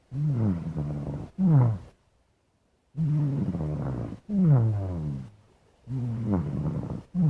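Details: Black cat snoring while asleep: rhythmic low, rough snores on each breath, about 20 a minute, separated by quiet pauses.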